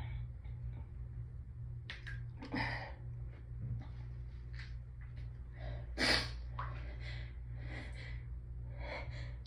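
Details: Hayfever sneezing after a day of building symptoms, with the nose raw from rubbing: catching, hitching in-breaths and sniffs build to a sharp sneeze, then more gasps over a room hum. Some sneezes forced through nose and mouth together make a deep honk.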